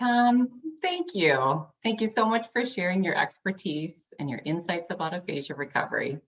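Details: Adult woman speaking; normal speech.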